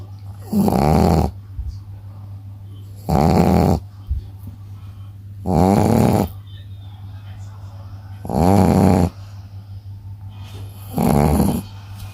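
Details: Shih Tzu dog snoring while asleep: five loud, rattling snores, about 24 a minute, over a steady low room hum. The dog sometimes snores this noisily.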